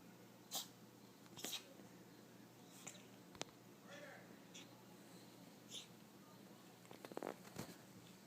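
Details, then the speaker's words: Person who asks not to be filmed while sneezing: several short, sharp bursts of air in a quiet room, followed by faint voices; sneezing. "Don't film me sneezing, it's embarrassing."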